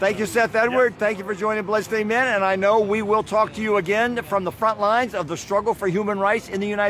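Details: Adult speaker; normal voice.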